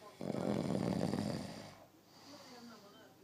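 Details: A person snoring: one loud, rattling inward snore lasting about a second, followed by quiet breathing; snoring.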